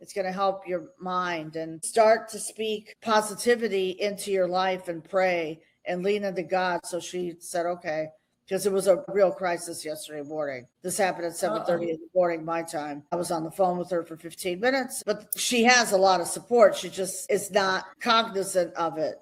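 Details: Adult woman speaking; normal voice.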